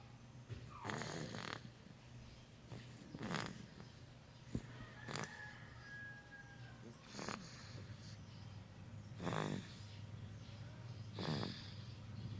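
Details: Two-month-old baby sleeping; soft, irregular snoring breaths, about six in twelve seconds, with faint room noise; infant snoring.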